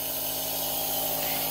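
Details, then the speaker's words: Adult man with cystic fibrosis doing his twice-daily morning nebulizer breathing treatment: steady loud motor hum with hissing airflow from the running nebulizer compressor. "so Taylor's doing his breathing treatment right now he has to do that every morning and every night"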